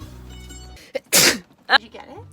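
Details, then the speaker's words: Person sneezing during allergy season: a quick catch of breath, then a sharp, hissing sneeze burst and a short voiced sound, over background music. "just gonna sneeze oh yeah i try it's hard"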